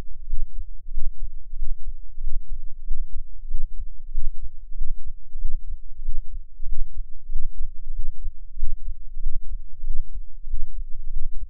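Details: Normal adult heart sounds at about 94/min over a low hum, recorded of the recordist's own heart with an experimental microphone enclosure and tube; deep muffled thumps dominated by about 10 Hz, recording includes a breath-hold.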